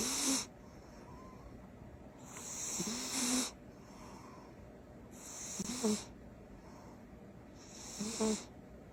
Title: Cat snores loudly